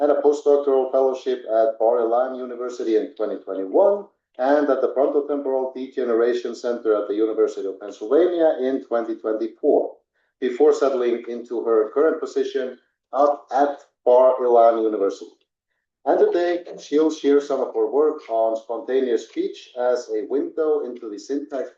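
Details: Adult; normal speech.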